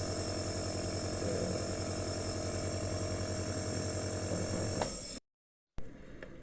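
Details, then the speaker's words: Compressor nebulizer (inhalation device) switched on after the medication is loaded, in a home-use demonstration for infants and children with cough and cold: loud, steady, rapid mechanical buzzing and rattling with a brief cut-out, running normally. "Hai selalu kalau seperti ini baru-baru kita nyalain mungkin terlihat kalau dari dekat terlihat asapnya"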